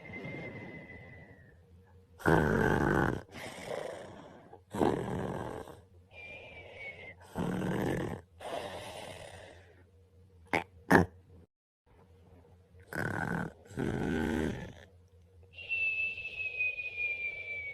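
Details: Boyfriend snoring while sleepy after a long day: loud, rough snores with each breath, some snorting bursts and a brief pause; snoring during sleep.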